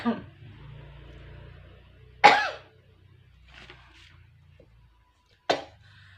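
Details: Coughing while eating beef fat seasoned with red chili, garlic, shallot and tamarind sugar: two sharp, isolated cough bursts in a quiet room; a throat-irritation cough.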